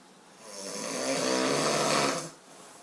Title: Me Snoring lika boss